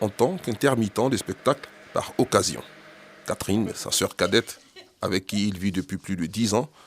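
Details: Adult male narrator; Normal fluent speech.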